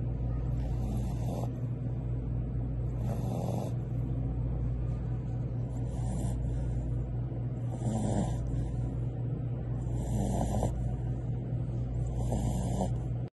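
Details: Shih Tzu dog snoring loudly during a nap: steady low rumbling breaths in a regular rhythm, about 29 a minute, over a constant droning background; snoring.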